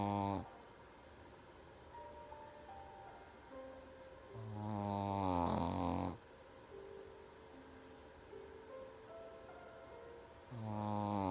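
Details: Pekingese dog snoring while asleep: loud, rumbling snores about every 5–6 seconds with quieter breathing between; typical noisy airway of short-nosed breeds.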